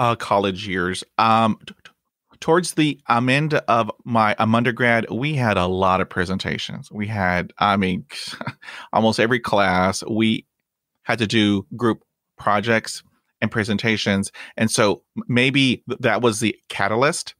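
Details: Adult man who stutters, with blocks and repetitions in his own speech; stuttering.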